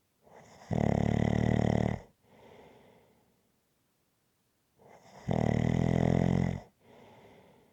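Loud, harsh, buzzing snores on each inhalation, each followed by a soft breathy exhale, about 14 breaths a minute; rhythmic heavy snoring.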